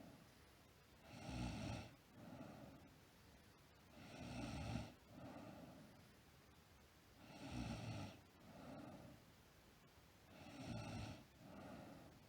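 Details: Sleeping girl snoring steadily: a rough rattle on each breath in and a softer sound on each breath out, about 19 breaths a minute.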